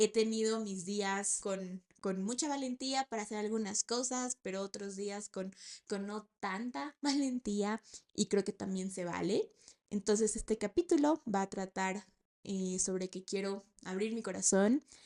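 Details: 28-year-old woman, a speech-language therapist, who has stuttered since age 4, starting in kindergarten, and still stutters, finding sounds such as P, L, M and T harder; speaking Spanish; stuttering.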